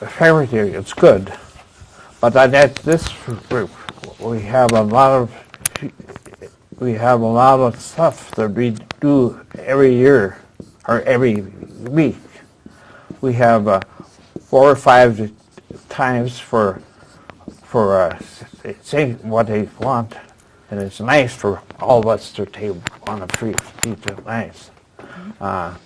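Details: Man aged 76 at his stroke, a former dentist, with post-stroke aphasia, attending an aphasia conversation group for support and communication practice; real patient speech showing aphasia.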